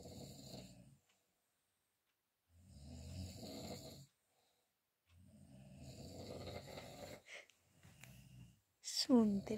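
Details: Adult man snoring loudly at night in a dark room, likened to croaking frogs, sound growing louder; snoring.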